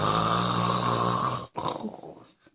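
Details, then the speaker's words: Heavy night-time snoring from an adult woman asleep: one loud, long, rattling snore that stops abruptly, followed by a gasping breath. "babe you know you were snoring last night you say I can't help it I'm sleep"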